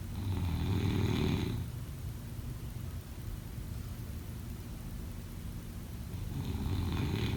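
Two rough, rumbling in-breaths separated by a long quiet pause, with steady room noise; snoring during sleep.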